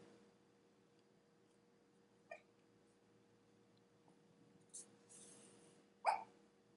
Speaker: oh my gosh my dog has the hiccups so my dog is sleeping behind me and he just started hiccuping